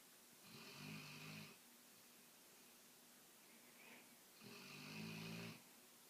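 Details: Dog snoring loudly and waking herself up: two loud, rattling snores about four seconds apart, with quiet breathing between them.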